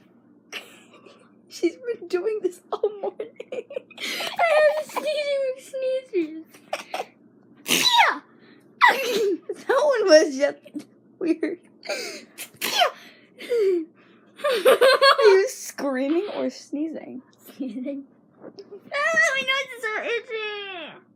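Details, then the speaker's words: Woman sneezing repeatedly: a run of loud, high-pitched voiced sneezes, some squeal-like, brief pauses between; she reports itching. "Okay, 1 minute of my sister sneezing."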